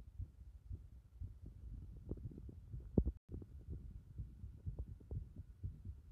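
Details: Heart sounds with the chest repeatedly pressed in: faint, regular low thumps at roughly 100 a minute, with a low hum and some background thuds.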